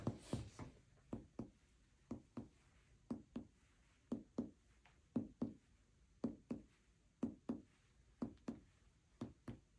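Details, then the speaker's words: Abdominal exam teaching demo: paired finger percussion moving down the right mid-clavicular line from lung resonance, note turning dull at the liver border; liver span about 6–7 cm; change to dullness. "Everybody hear the difference? Right there, it's like duh, dead. Hear the difference."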